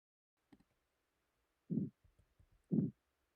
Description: Nothing is more frustrating than to suffer from pulsatile tinnitus or ear clicking, an intermittent sound nobody else but you can hear.